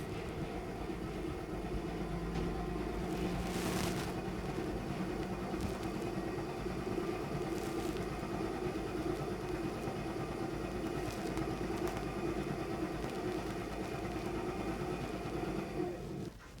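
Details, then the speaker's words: Cystic fibrosis airway clearance vest, high-frequency chest wall oscillation, cycle two at 9 Hz, pressure 8, five minutes: steady low mechanical rumble and buzzing shaking the chest to loosen mucus. "cycle number two the hertz will move to nine the pressure remains the same and the minutes remains the same so we have a hertz of nine pressure of eight and still five"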